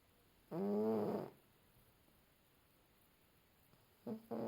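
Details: Sleeping cat gives a buzzy, slightly tonal snore on each in-breath, with a quiet pause before the next; snoring.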